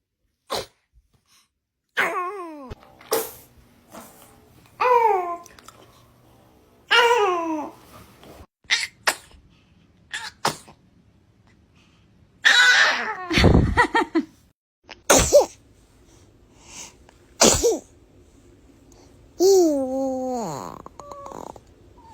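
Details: Babies: several short, sharp infant sneezes separated by little coos and squeals.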